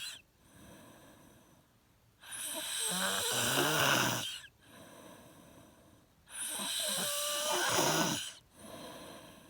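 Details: Snoring: two loud, rough, rattling inhaled snores about every four seconds, roughly 15 breaths a minute, with quieter exhalations between.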